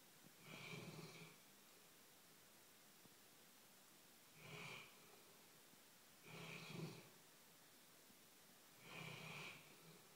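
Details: Four rough, rumbling snores with quiet pauses between, about one every two to three seconds; ordinary snoring from a sleeping dog.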